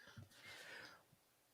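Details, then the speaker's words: Adult man's sudden forceful cough, described as sounding really sick and bringing up water: cough. "really sick that cough sounded crazy that sounded crazy"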